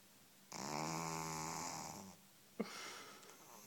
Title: Snoring Pug dog of a few weeks old)